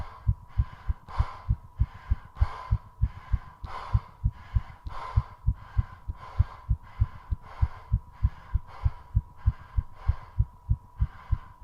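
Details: Rapid, regular heartbeat near 170/min with fast, heavy breathing after a 3:30-minute squat challenge (recovery includes two short breath-holds): normal post-exercise tachycardia.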